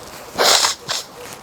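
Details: Nose blowing in a person with suspected hay fever who had been sneezing: a forceful hissing blow through the nose followed by a shorter second blow, with steady room noise behind.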